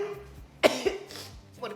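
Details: Woman, hashtagged allergic rhinitis, sneezing multiple times while eating breakfast: a sudden explosive burst followed by a smaller second burst; sneezes.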